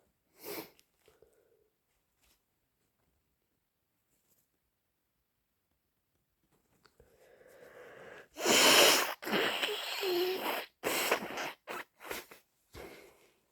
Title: Weird induced cold sneeze plus snotty nose blowing and coughing